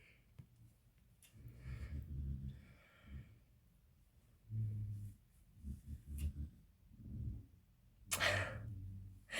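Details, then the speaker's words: Repeated low, rumbling snorts with sleep breathing from a dog sleeping on the owner's lap, faint room noise behind: ordinary snoring during sleep. "I'm sorry if you can hear snoring um my dog is currently sleeping on my lap and he is quite a snora um so yeah you might hear him in a background"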